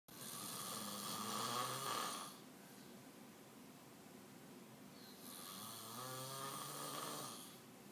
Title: snoring!